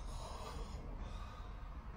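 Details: Steady, low, fluttering imitated snoring from a patient asked to snore during flexible endoscopic examination for snoring and sleep apnea, scope passed through the nose to the nasopharynx, retropalatal region and tongue base, which was very hypertrophic.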